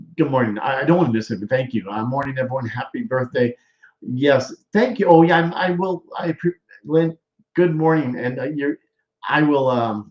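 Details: Adult male speaker; aphasia after stroke.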